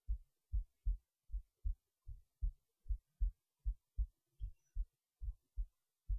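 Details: Heartbeat recorded late at night while resting in bed before sleep, soft low paired thumps steady at about 77 beats a minute; normal resting heartbeat.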